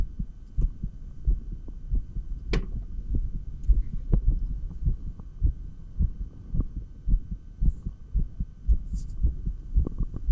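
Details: Stethoscope recording of a real heartbeat while exercising with 20 lb dumbbells: fast, regular low thumps at about 110 a minute with some rubbing noise; normal heart sounds sped up by exercise.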